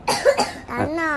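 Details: Child said to be afraid ice cream will cause coughing: two short, harsh cough bursts, then a brief voiced whine; a plain cough.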